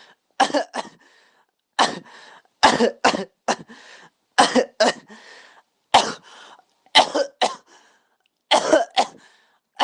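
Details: A child gives a series of short, sharp coughs, mostly in pairs, about fourteen in all, with quiet gaps between them: repeated coughing.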